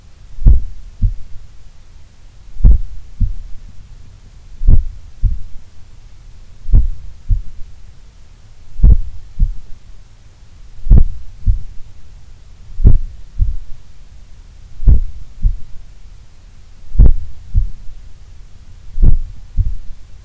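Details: Person's own heart recorded while relaxing in a sun room, the lowest resting rate they have recorded: regular low double thumps at about 29 beats a minute over a steady hum; a slow, relaxed resting heartbeat.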